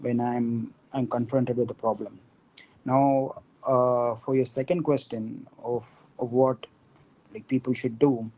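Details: Involuntary stuttering in an adult man from India who stammers, with onset at about four or five years old.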